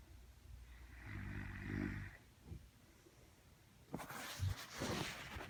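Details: Adult woman snoring in a dark room: one low, rumbling snore on breathing in, followed by rustling and bumping noise.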